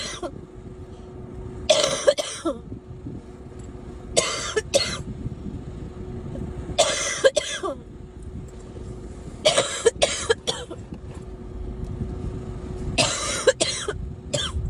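Repeated bouts of short, harsh coughs, about five clusters over fifteen seconds, with a steady hum of traffic behind.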